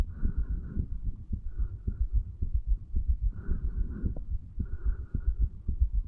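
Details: A 35-year-old male records his own heartbeat at the tricuspid valve area, placed lower than usual to hear more of the heart muscle, under the effects of medical marijuana and nicotine: heart sounds.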